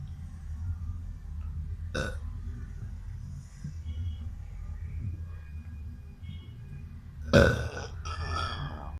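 Two short, throaty burps over a steady low background rumble.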